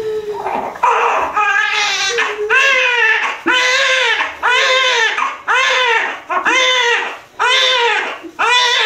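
Strong, rhythmic newborn crying, about one cry a second with short breaths between, in a delivery room. A normal vigorous cry after birth.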